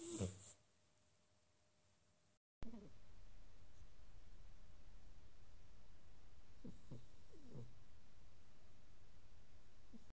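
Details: Sleeping Sphynx cat snoring with a soft, steady low rumble and a few faint squeaky sounds: snoring.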